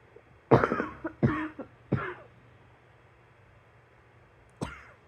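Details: Three short, dry coughs in quick succession, then a fourth single cough after a pause, in a quiet room; cough.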